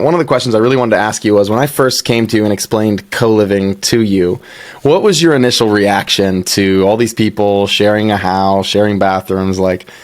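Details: Adult male speaker; normal speech.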